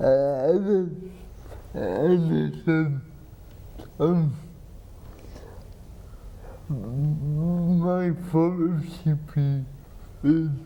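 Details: Dysarthria from cerebral palsy in an adult man with spasticity treated by an implanted pump injecting medicine into the spine; another speaker repeats his words.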